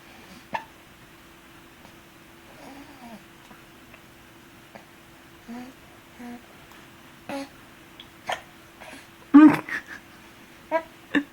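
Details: Infant boy with hiccups while using a pacifier: small, sharp, regular catches about once a second, around eight in all, with soft sucking sounds between.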